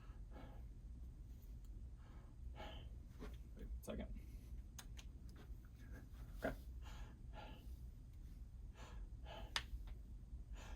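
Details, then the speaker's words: Adult male patient in a student nurse practitioner physical exam takes slow deep breaths while the posterior chest is examined: soft airy sounds, no wheeze or crackles, symmetrical chest rise; normal breath sounds. "want you take a deep breath in deep breath out good exam is normal he has symmetrical rise and fall of his chest"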